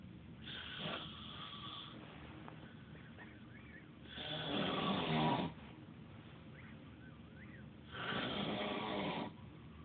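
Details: Loud, rough snores on each breath in, about three in ten seconds, with quiet breathing between, from a sleeping adult man, phone-recorded; snoring.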